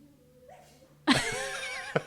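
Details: An adult woman sneezes during a dance rehearsal while practising lifts: after a quiet moment, a sudden sharp burst of air, then a short voiced trailing sound over faint room noise.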